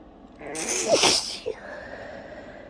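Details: Sneezing fit after a strong tickle: a single forceful, wet, messy sneeze with a sharp hissing burst, followed by a short sniff; part of a bout of repeated sneezing.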